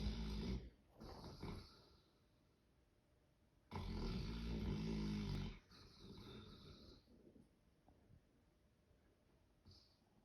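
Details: Sleeping dog snoring: loud, low rattling snores with quieter breaths between the louder ones.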